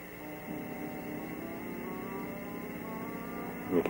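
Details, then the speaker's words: Steady phaco machine tones rising in pitch over background hum, signalling rising vacuum during high-flow cortex aspiration in brunescent cataract surgery under topical anesthesia; the surgeon pulls back to centre before vacuum gets too high. "You can hear the vacuum rise, so I pull it out to the center before the vacuum gets too high."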